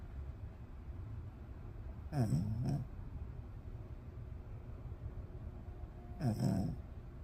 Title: Snoring dog.#dog #snoring #snoringdog #pet #animal